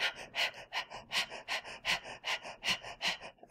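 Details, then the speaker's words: Demonstration of central neurogenic hyperventilation, a rapid deep breathing pattern from bilateral deep cerebral dysfunction; may also be heard with cardiac insult such as heart failure or myocardial infarction. "And you may even hear this type of breathing in someone who's experiencing cardiac insult, such as heart failure or myocardial infarction."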